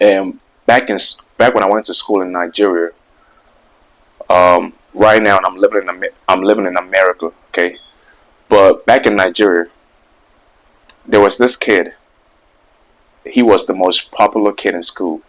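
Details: 24-year-old man who has stuttered for about 20 years, since around age five or six; word and phrase repetitions; stuttering.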